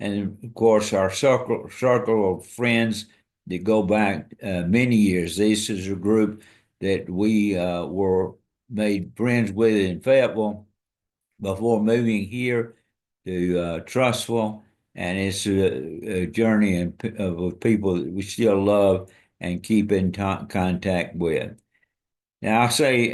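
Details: Adult man, a retired pastor, with amyotrophic lateral sclerosis diagnosed February 2024 after earlier diagnoses of Parkinsonism, Parkinson's disease, spastic paraplegia and primary lateral sclerosis; he states his walking and speech are failing; dysarthria (ALS).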